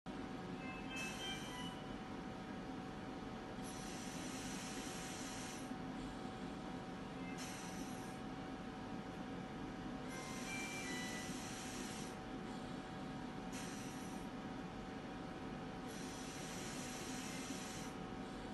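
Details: Biyovent mechanical ventilator: rhythmic hissing air bursts over a steady machine hum, cycling at about 18 breaths a minute.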